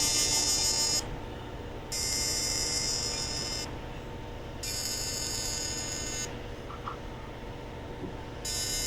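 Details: Live demonstration of fractional CO2 laser skin resurfacing (Total FX, 0.3 mm spot) on facial skin near the eyelash margin, patient feeling stings and hot spots: repeated one-second high buzzing bursts alternating with quieter hum as the laser fires.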